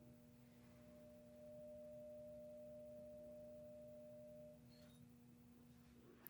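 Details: Simulated ASMR hearing-exam roleplay of a Rinne test: a struck tuning fork is placed on the mastoid process behind the ear, then moved next to the ear; its steady pure hum fades and ends with a soft tap.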